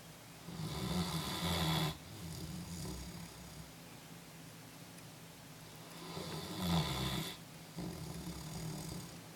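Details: Snoring during sleep: two slow, rough, rattling inspiratory snores, roughly one breath every six seconds, in a quiet room.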